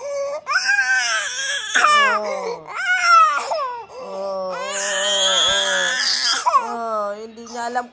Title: Crying baby